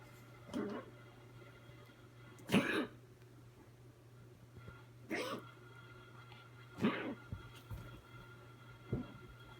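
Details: Dog named Bailley coughing, January 2017: about five short, harsh coughs at irregular intervals over a steady low hum.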